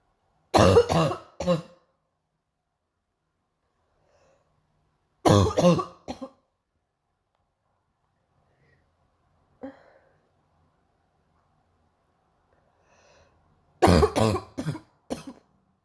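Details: Painful morning cough: three bursts of deep, harsh, heavy coughing, each with two to four coughs, with quiet breaths between them.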